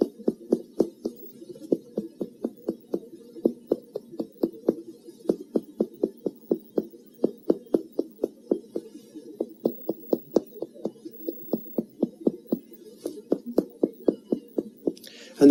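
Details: Live physical examination: steady series of quick hollow taps, about four per second, with a clattering noise at the end; normal resonant percussion note over the lungs.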